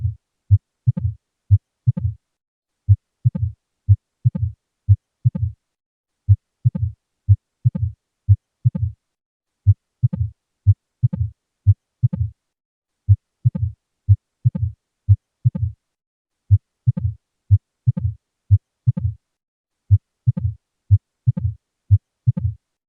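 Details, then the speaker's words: Stethoscope auscultation in mild mitral valve stenosis: regular, low heartbeat near 60 beats per minute, each beat trailed by a brief low rumble. "This sound is produced in Mitral Valve Stenosis when the disease is Mild"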